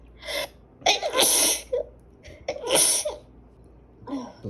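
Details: A man and a woman who think they might have allergies sneeze repeatedly and uncontrollably: several forceful sneezes in quick succession with sniffing and throat clearing between them.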